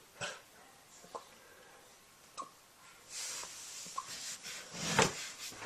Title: Puppy deals with hiccups